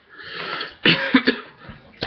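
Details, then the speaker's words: Soft whispering late at night, then a few harsh cough bursts in quick succession and a short exhalation from an adult man who says his cough is coming back. "sorry about all the coffee and i think i'm getting my cough back again"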